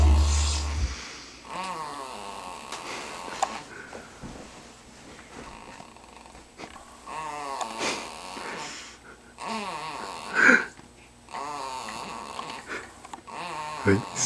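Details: Repeated rattling, fluttering breath sounds roughly every two seconds, typical of snoring, with some background noise.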